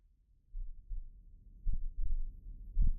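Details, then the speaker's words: Simulated heartbeat used in a sound demo of the body's internal sounds in near-total silence, alongside breathing and gulps: deep, muffled, low normal heartbeat thumps. "is internal noise. (breathing) That is the sounds of our body. The blood pumping through your veins."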